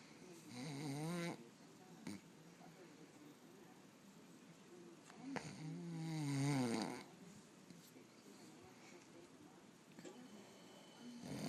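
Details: Sleeping person snoring, recorded by their girlfriend: two loud, rattling snores, each about a second or more long, separated by quiet breathing.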